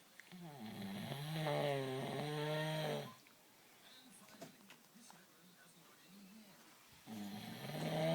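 Long, deep, buzzing breath sounds separated by a quiet pause; loud snoring from a cow.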